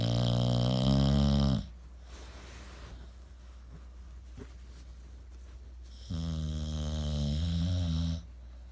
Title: Snoopy - Snoring (24.10.2017)